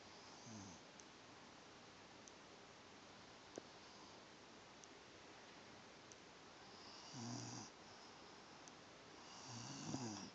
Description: I love when our dog snores while she is sleeping!